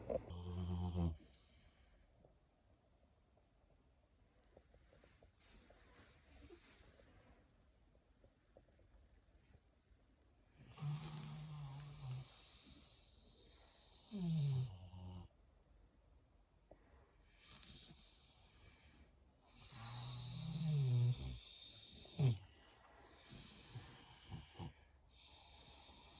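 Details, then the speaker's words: A sleeping pig snores in irregular low, rattling bursts separated by quiet breathing, with faint room noise: snoring. "And now we're heading back inside, and now you know what a snoring pig sounds like."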